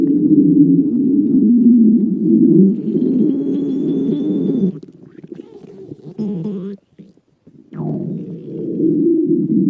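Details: Girl's stomach growling: long, low gurgling rumbles with a brief lull, typical of ordinary borborygmi.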